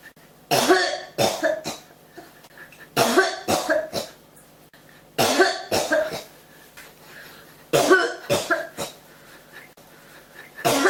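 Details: Persistent cough, tagged with pneumonia: repeated bouts of harsh coughing, about three coughs per bout, recurring every few seconds.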